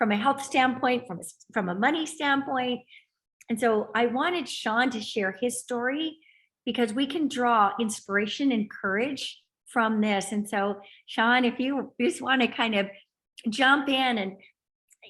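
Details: Adult woman speaking; normal speech.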